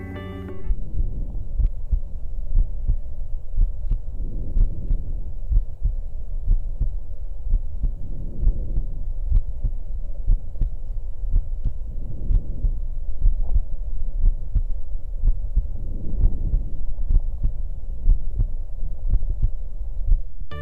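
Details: Diminished breath sounds.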